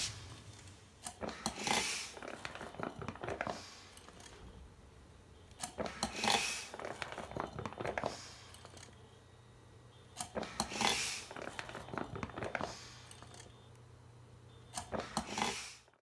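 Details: Homemade mechanical ventilator pump, running 24+ hours, cycling steadily at about 13 breaths a minute with clicking and rustling noise from the pump spring.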